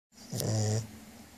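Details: A single low rumbling snore on an in-breath; snoring.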